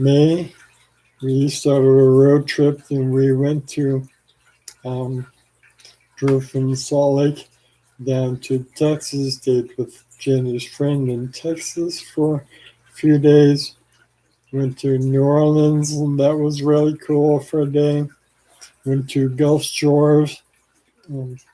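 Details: Adult man with ALS, 4 years after diagnosis and 14 years after symptom onset, on blood thinners for blood clots; worsening slurred speech, saliva and phlegm buildup with frequent swallowing, and arm weakness; finding: dysarthria (ALS).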